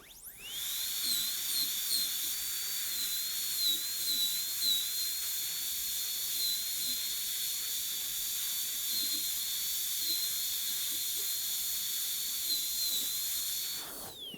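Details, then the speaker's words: High-speed dental handpiece reducing the functional cusp of a model tooth #18 for a gold onlay preparation, run dry: steady high-pitched whine for about 13 seconds. "so all along the functional cost production which we would expect we'll have to take that down a little bit"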